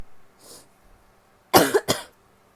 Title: sneezing, coughing and nose blowing (f)